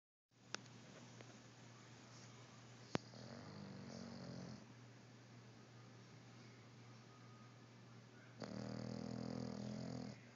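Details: Snoring: two low, rumbling snores about four seconds apart over a steady hum of room noise.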